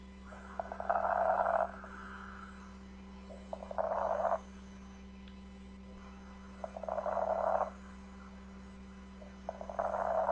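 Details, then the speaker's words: Fine crackles (fine rales) in a teaching recording: rhythmic bursts of fine crackling with each breath, about 20 a minute, over a steady background hum. "crepitantes gruesos estertores ah repitan test finos estertores"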